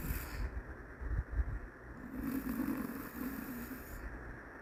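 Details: A snoring Shih Tzu dog, with low, rumbling, fluttery breaths and one longer buzzing snore.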